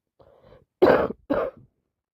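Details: A soft throat sound followed by two short, harsh coughs in a quiet room, in someone with a cold and frequent sneezing.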